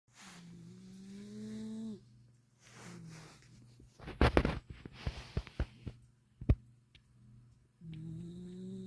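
Loud, buzzing, low-pitched snores with each breath in, separated by quieter pauses and a few clicking noises.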